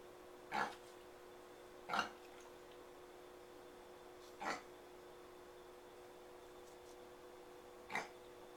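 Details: Pet pig Reggie coughing, recorded 2012-01-07: four short, harsh cough bursts spaced irregularly over about eight seconds, over a steady low electrical hum in a quiet room.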